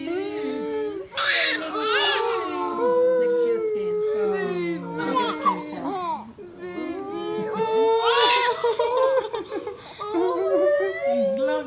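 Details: Loud, rhythmic, strongly voiced crying of a newborn right after birth, following the mother's waters breaking; adult voices and music in the background.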